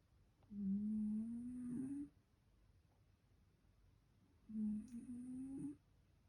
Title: MY CAT IS SNORING HARDLY